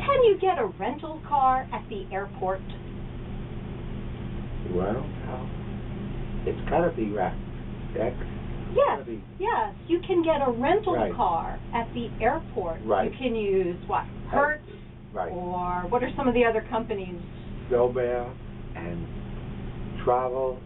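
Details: Adult patient answering a clinician's question; fluent aphasia.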